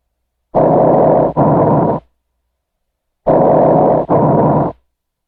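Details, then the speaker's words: Normal tracheal and bronchial breath sounds on auscultation: two loud, harsh, high-pitched breath cycles of turbulent airflow, each a noisy inhalation and exhalation with a brief pause, over the trachea. "los ruidos respiratorios bronquiales se describen como potentes y de tono alto y también se pueden escuchar cerca de la tráquea"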